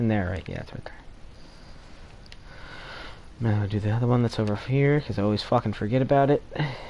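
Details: Adult male speaker; typical speech.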